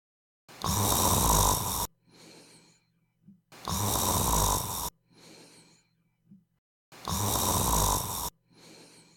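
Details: Snoring with device sound.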